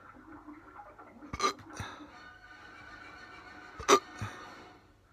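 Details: Two abrupt, sharp hiccups about two and a half seconds apart over faint room noise; very fast, non-induced hiccups.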